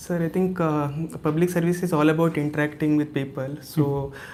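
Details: Young male from Karnataka, recorded before voice therapy; high pitch mistaken for his mother's on the phone, worse when louder: puberphonia.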